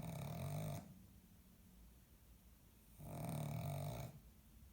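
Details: Pug dog snoring: two loud, rattling snores about three seconds apart, with a fluttering low buzz on each breath, separated by quiet pauses.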